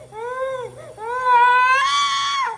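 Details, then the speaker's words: A baby girl with a bad cold and a high cough, already given medicine, cries in short wailing bursts that rise into a louder, higher sustained wail while a parent tries to soothe her. "बाबू मत रो। बहुत जिद्दी हो हो गया गई।"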